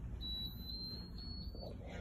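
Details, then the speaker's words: Kangaroo enteral feeding pump turned on during tube-feeding setup: steady high-pitched electronic power-on tone lasting over a second over low room noise, before clearing previous settings. "bag and then you simply just can hang them like this okay so we're going to go and turn this on"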